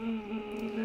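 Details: Young college woman with a hemorrhagic vocal cord polyp with dilated feeding blood vessels from chronic vocal overuse. She phonates at low pitch during endoscopy; the unequal masses make the cords vibrate differently, giving two pitches. Finding: diplophonia.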